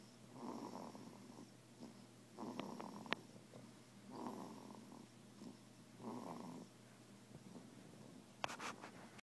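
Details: Soft, regular snoring from a sleeping infant, about four noisy breaths in nine seconds; snoring.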